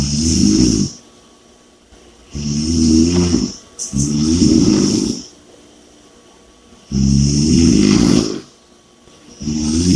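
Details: Snoring and heavy breathing during sleep: loud rattling snores on each breath in, with heavy breaths between, about 13 breaths a minute.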